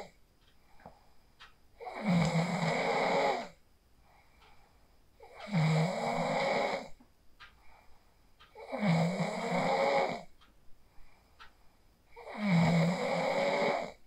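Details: Person asleep after practising the 4-7-8 breathing technique, recorded on a phone: four loud, rattling snores, one on each breath, about 17 breaths a minute; snoring.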